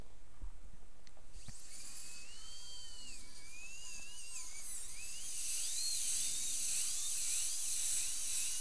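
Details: High whining drill with changing pitch in a quiet room, trimming the distal area of the temporary crown for an all-ceramic crown on a lower right second molar, tooth 31; dental drill.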